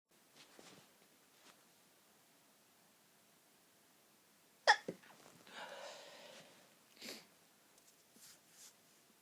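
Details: Pinched, stifled sneeze after long breathy build-up from an incredibly tickly nose: quiet breathy inhalations, then one sharp stifled sneeze with a short follow-on burst, in a quiet room.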